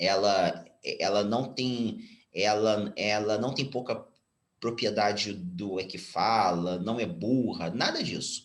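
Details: Stuttering, now mild after speech therapy, in a 34-year-old Brazilian Portuguese-speaking man, speaking spontaneously.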